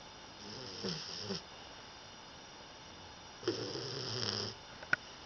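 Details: Sleeping 16-week-old English Bulldog puppy, female, snoring: two rattling snores separated by a quiet pause.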